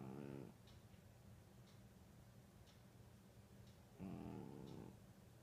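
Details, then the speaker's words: Cat snoring in its sleep: low, rough, buzzy snores about four seconds apart, with quiet breathing between them. "Ed, you're snoring. Eddie."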